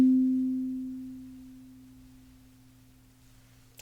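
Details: A struck tuning fork rings with a steady pure tone that slowly fades, during a simulated ASMR cranial nerve exam hearing check, ears tested one at a time: tuning fork tone.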